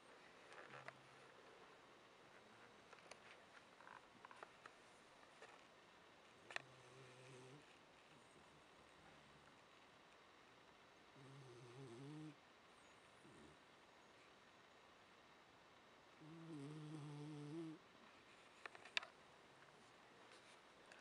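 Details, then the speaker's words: 11-year-old female Jack Russell terrier asleep, tucked in by children: three soft, low buzzing snores a few seconds apart in a quiet room; snoring. "I saw this that is her 11 year old Jack Wilson they tucked her in she's actually snoring so I'm not gonna holler at the kids cuz that's just too adorable"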